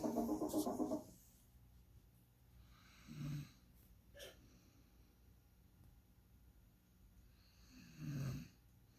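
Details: Sleeping woman: soft, brief snorting snores every few seconds in a quiet room, a louder burst at the start; light snoring.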